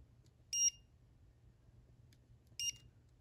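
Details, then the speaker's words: Two short high beeps about two seconds apart from a dental curing light set for 20 seconds, with the first beep at 10 seconds, curing a liner placed in a deep cavity preparation. "and we set it for 20 seconds so first beep is 10 i'll then touch it again and there you have it"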